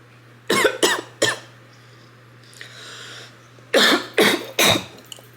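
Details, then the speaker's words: Person with self-diagnosed retrograde cricopharyngeal dysfunction (RCPD) after Botox treatment, drinking a very carbonated soda: two runs of three forceful coughs with gagging during a strained burp attempt; coughing, gagging and a burp. "Did you burp? Yeah. I coughed, gagged, burped."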